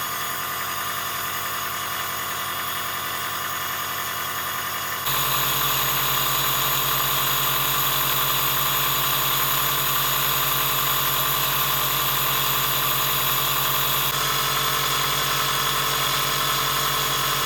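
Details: Compressor nebulizer running a 20–30 minute treatment for a teddy guinea pig with pneumonia (had a bloody nose, nasal discharge): steady loud motor buzz with rapid even vibration, growing louder after a few seconds.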